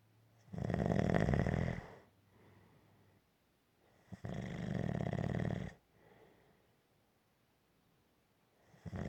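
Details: Gentle snoring: steady rhythmic snores with a buzzing rattle on each in-breath and a quiet out-breath, about sixteen breaths a minute.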